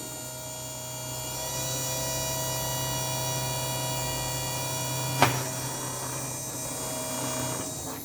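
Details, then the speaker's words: Dental implant osteotomy with a 3.7 mm drill to 10 mm on a 3D-printed patient model, smooth without pressure: steady high-pitched whine with one brief click midway. "Place it, lock it into place like this, and then we are going to go there, going to go in till 10 millimeters. Very smoothly you go. Feel the bone always and never apply pressure."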